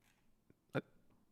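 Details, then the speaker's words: A single abrupt, brief hiccup in a quiet room from someone during a live stream, recurring hiccups that day, which he suspects come from not drinking enough water; hiccup. "These hiccups. What the hell is happening today? I think it's because I haven't drank enough water."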